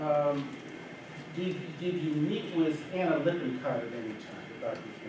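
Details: Adult man speaking; normal voice.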